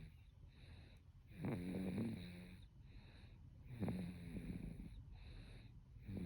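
Soft rhythmic snoring from a sleeping baby, about 25 breaths a minute, with low rattling on each breath against a background hiss.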